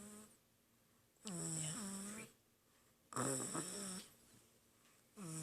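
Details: Snoring baby: regular breaths with a rattling, vibrating snore on each inhaled breath, about two seconds apart; infant snoring.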